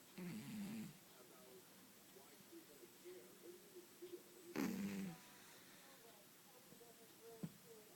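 Soft, faint snores from a sleeping cat, two short rattling breaths over quiet room noise; harmless snoring in sleep.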